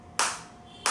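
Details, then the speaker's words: Two sharp, snapping clicks under a second apart, each fading quickly: single pulses from a focused (not radial) shockwave therapy device, intensity around 8, applied by the demonstrator on himself, not over a joint. "बिल्कुल focus shop wave आ रही है। मेरे को अंदर feel हो रही है और एट वे मेरे को काफी अच्छी फील हो रही है। और आप ये साउंड भी सुन सकते हैं फोकस शॉप की इस तरीके से।"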